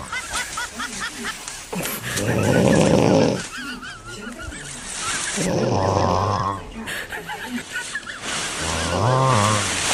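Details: Loud, rough snores recurring about every three and a half seconds, birdsong in background; snoring.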